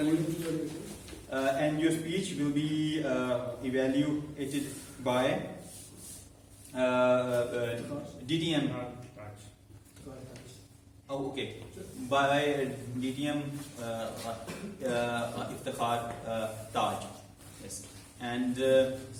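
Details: Adult man who stammers, in a stammering-focused speaking club for about eight to nine months and has learned to accept it; stuttering.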